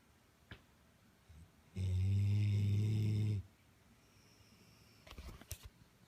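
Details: A year-and-a-half-old, 103-pound English Blockhead Labrador snoring: a single deep, droning snore lasting over a second, with faint room noise around it.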